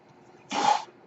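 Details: A single brief rushing hiss of air breaking a pause in the speaker's speech, a breath delivered by his mechanical ventilator.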